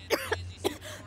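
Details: Cough.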